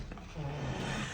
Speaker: Snoring Shih Tzu, can you hear him?